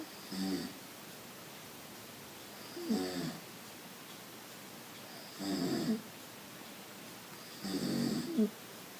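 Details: A man asleep on a couch snores while the household cat also snores: four rough, rattling snores on inhaled breaths, about 24 a minute, with quiet pauses between them; ordinary snoring.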